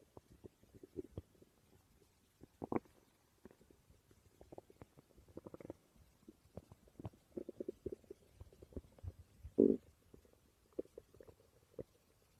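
Soft, irregular gurgles and rumbles in a quiet room, with one louder gurgle: ordinary stomach growling from gas and fluid moving through the bowel.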